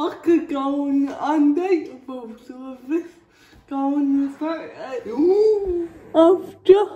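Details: Female with cerebral palsy talking while feeding herself with a Neater Eater feeding aid; the dysarthria is inferred, not named: dysarthria (cerebral palsy).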